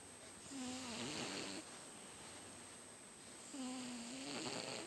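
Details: Sleeping cat snoring very loudly: two loud, buzzing, wheezy snores on breathing in, about three seconds apart, against a steady room hum.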